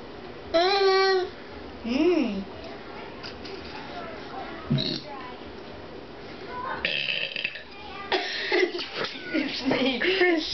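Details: Boy burping: two loud, drawn-out voiced burps, followed by chatter and laughter in a small room.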